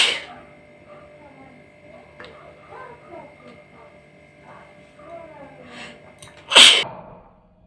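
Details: One sharp, forceful sneeze near the end of a quiet stretch with faint vocal sounds and a hum, recorded during a nose sneezing challenge.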